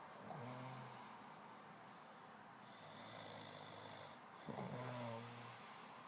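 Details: Man asleep and very tired, snoring: two loud, low, rumbling snores on inhalation, about five seconds apart, over a steady background hiss.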